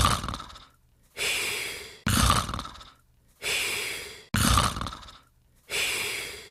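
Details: Cartoon snoring sound effect, not real: rough rattling snore on each breath in, then a long airy sigh out, about 26 breaths a minute; simulated snoring.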